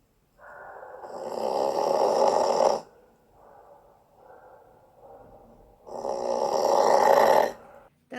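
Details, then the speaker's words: Adult man snoring only on inspiration: loud rasping snore on each in-breath with quiet out-breaths between, about two breaths in eight seconds. "osobnik daje w jedną stronę. tylko przy wdechu, ale najlepsi robią to w dwie strony. Wdech i wydech."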